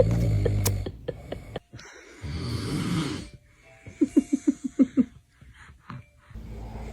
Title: Dad Snores Like a Machine 🤖😴 #snoring #funny #dad #funnyvideos #foryou